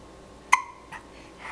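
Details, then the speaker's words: A single sharp, high-pitched hiccup from an infant, followed by faint breathy sounds in a quiet room: hiccups. "oh nice hiccup oh i had to get this on for auntie kendra oh"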